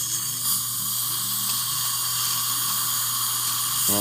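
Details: High-pitched dental drill whine with a low hum underneath, placing upper mini dental implants in a female long-time denture wearer who reportedly feels no discomfort.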